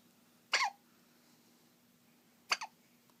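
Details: Hiccups that happen every time after eating: two short, high, squeaky hiccups about two seconds apart against a quiet steady hum.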